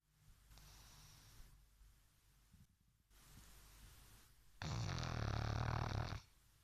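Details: Pug snoring: soft snuffling breaths lead into one loud, harsh snore about 1.5 seconds long, typical flat-faced dog snoring.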